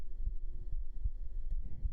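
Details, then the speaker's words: Heartbeat for ASMR, presented as heard with the head on the chest: soft, steady low thumps with a regular rhythm. "you like heartbeats okay just for Chloe we'll do some Heartbeats can you hear them with your head on the chest"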